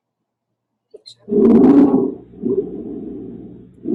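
Harsh, coarse, noisy breaths repeat in quick succession, loud and rasping with a rough pitched edge: stridor.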